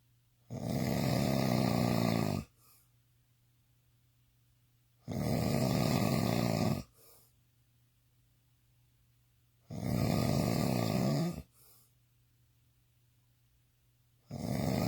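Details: Drunk man snoring intensely: loud, rough snores on each breath in, about 13 breaths a minute, with quiet pauses between.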